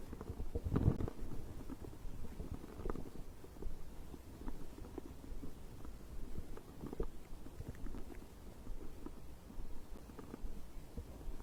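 Low, irregular gurgling and rumbling bubbles throughout, ordinary stomach growling of digestion after drinking.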